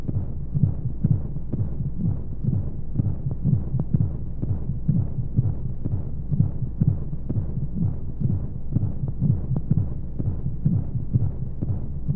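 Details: Womb-sound recording for infant sleep: steady, muffled, low heartbeat at about 125 beats a minute over a constant deep whooshing, rushing womb noise; heartbeat.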